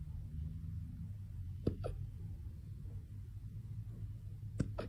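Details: Small puppy having its first hiccups: two soft, sharp hiccup-like clicks a few seconds apart against low room rumble.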